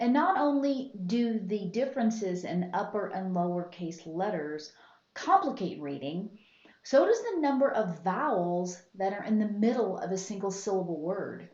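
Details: Adult woman speaking; typical speech.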